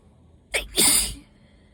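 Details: Allergy sneeze: a short inhaled catch followed by one forceful sneeze.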